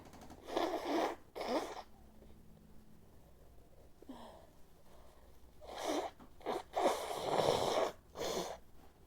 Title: desperate sneeze and nose blowing